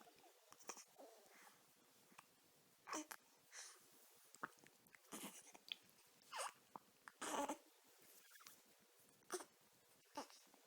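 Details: A dog with hiccups: about nine short, abrupt gulping clicks in eleven seconds, fairly evenly spaced, in a quiet room.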